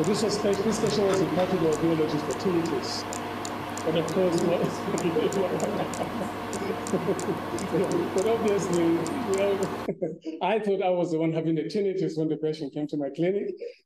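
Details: Adult male speaker; plain speech.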